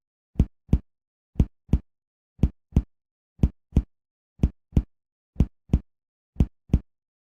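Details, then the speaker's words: Systematic percussion of all abdominal quadrants, with paired hollow taps about one pair a second, giving tympany over air-filled organs such as the stomach or intestines. "as you percuss expect to hear Tony over air filled organs such as the stomach or intestines"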